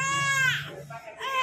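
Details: Infant crying during ear piercing while held still: a loud, high-pitched wail that breaks off and resumes, a pain cry.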